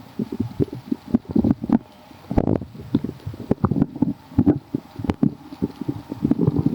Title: so gurglyyy | stomach growling